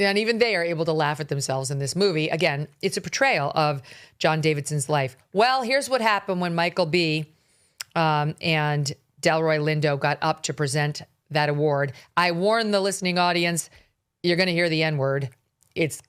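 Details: Adult speaker; normal speech.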